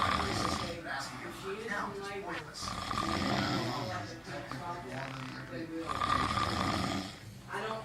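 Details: Granddaughter snoring during sleep: rough, rattling breathing noises in cycles, mixed with background voices.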